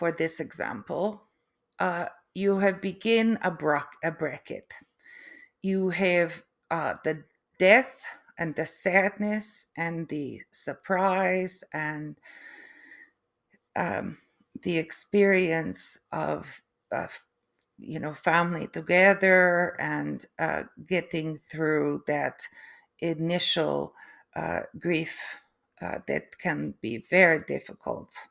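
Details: Adult woman after a stroke with aphasia and apraxia of speech, plus foreign accent syndrome that developed 3 months after the stroke.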